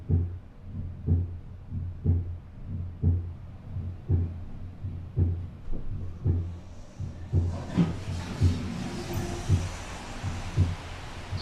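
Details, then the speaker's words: Normal adult heartbeat, recorded by the artist himself: steady, regular low heart thumps at about 57 beats a minute, with hissy noise building later. "this is the sound of my heartbeat for a year matched with the sound of my email alerts"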